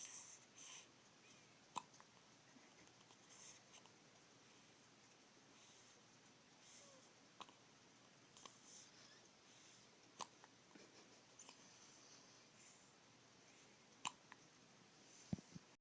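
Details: Hiccups recorded 3-7-14: faint, brief catching clicks recurring every few seconds in a quiet room.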